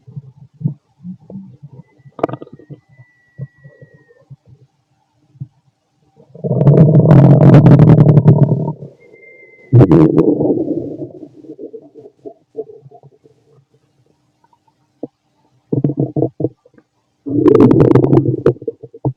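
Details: Fit male, stomach growling while digesting, very loud: loud gurgling and rumbling bursts with squeaky rising tones and quiet gaps; normal digestive bowel sounds (borborygmi).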